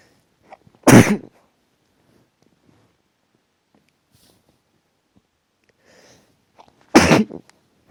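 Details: Two sharp, explosive sneezes about six seconds apart in a quiet room while half asleep and just drifting off; allergic sneezing.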